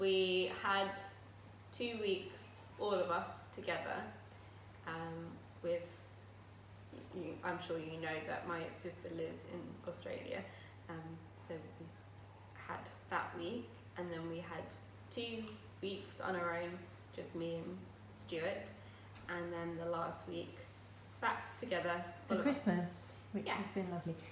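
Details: Aphasia in a woman who had a stroke at age 18, now living with it for 10 years; she still finds speech and reading difficult.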